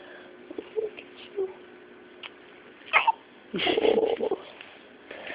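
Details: Newborn infant, held by mother for the first time, hiccuping: several brief, abrupt hiccup sounds with soft fussing and background voices.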